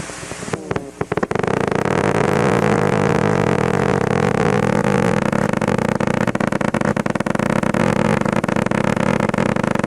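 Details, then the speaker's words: Single motor unit on EMG firing faster than 20 Hz, with the shortest interspike interval about 10 ms: a fast, steady, motor-like rumble indicating severely reduced recruitment. "any idea how fast that went 20 it's plus point it's above 20 yeah I guess that's all you really need if it's 20 plus then you know it's severely reduced"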